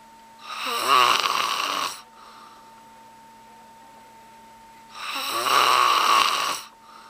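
Two long, loud, rattling snores on the in-breath, separated by a quiet pause, over a steady electrical hum.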